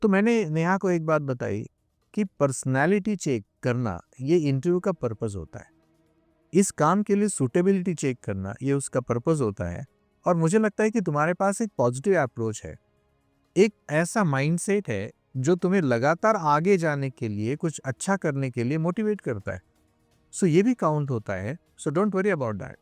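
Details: Adult man speaking; normal speech.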